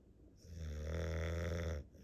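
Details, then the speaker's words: A tired dog worn out after a busy day, sleeping and possibly dreaming of eating and swallowing, gives one loud, deep, rumbling, saw-like snore lasting over a second. "He's back to being quiet. He's back to quietly snoring."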